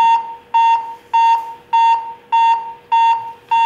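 Regular electronic beeps at about 100 per minute from an AED trainer, the metronome pace for chest compressions.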